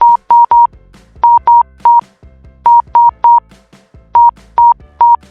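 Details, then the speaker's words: Irregular pulse oximeter beeps coming in uneven clusters with skipped beats, demonstrating arrhythmia detectable by ear, contrasted with a regular rhythm without arrhythmia; teaching demonstration by an anesthesiology professor. "こうやってビートを飛ばすんです。1つ目の症状は不整脈がないことです。でも2つ目は不整脈です。"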